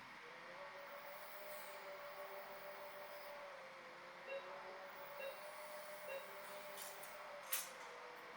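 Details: Phacoemulsification in an elderly male with a hypermature cataract: steady tonal whine with faint periodic beeps over low hiss as continuous ultrasound sculpts grooves in the dense nucleus.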